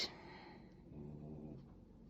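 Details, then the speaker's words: Dog snoring in the background while sitting right beside a person crocheting. "that's my dog you can hear snoring in the background he's sitting right beside me very important to be close while i'm crocheting"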